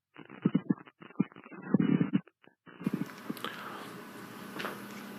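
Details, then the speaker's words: Short scratchy, grating, leathery Velcro-like bursts in a chest recording, played as a teaching example of a pleural friction rub. "a plural friction rub and pericardial friction rubs those are two kinds of friction rubs we have their leathery velcro resounding signs of a plural friction Rob it sounds like velcro"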